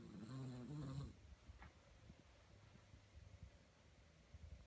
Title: Puppy Maltipoo snoring while sleeping